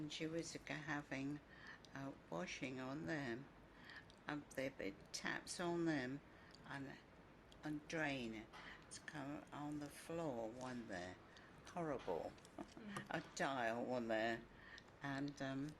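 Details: Female patient with agrammatic PPA, without apraxic non-fluent component, describing a picture; short agrammatic sentences with many fillers, articulation fairly preserved. Finding: agrammatic primary progressive aphasia.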